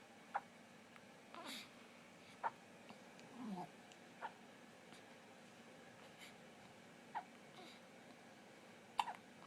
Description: 30 seconds of baby Hiccups to make your day!